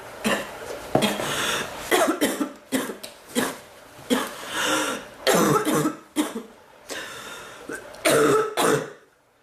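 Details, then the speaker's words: Roughly ten harsh coughs in close bursts with throat clearing between them; a recurring cough that hurts the back more than the chest, briefly let up, then came back. "more my back than my chest to cough it seems like it gets better and it gets worse"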